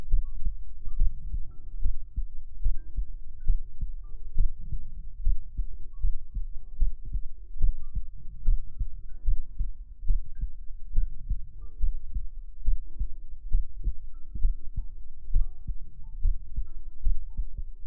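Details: Heart sound played in a sleep-aid ASMR recording: steady low thumping heartbeat about 70 beats a minute with faint soft music; heartbeat.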